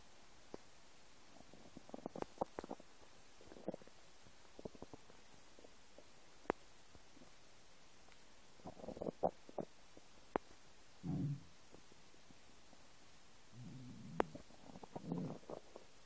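Quiet low gurgles and bubbling rumbles come and go over a hushed background; ordinary stomach rumbling from an empty stomach.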